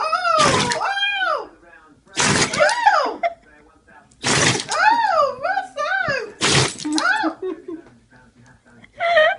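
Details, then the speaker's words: About four forceful sneeze bursts roughly two seconds apart from a dog, each followed by whiny nasal sounds; owner reckons bits went up his nose; a sneezing fit. "I reckon bits went up his nose then."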